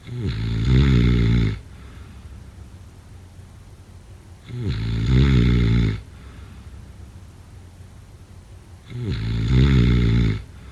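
Loud, rough snores on each in-breath, about 14 a minute, with quiet pauses between. Typical snoring during sleep.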